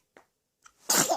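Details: A baby gives a single small, sharp sneeze after a couple of soft breathy sounds. Finding: sneeze.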